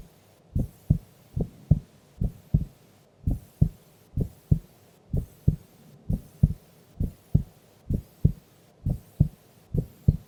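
Regular lub-dub heartbeat at about 70 a minute, clean paired sounds with quiet gaps. A normal resting rhythm.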